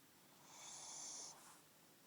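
A single hissing, high-pitched noisy breath of about a second. This is snoring through the narrow airway of a short-nosed dog.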